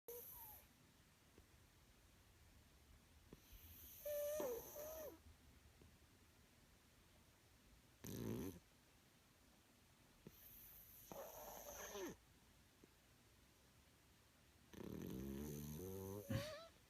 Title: Snoring cat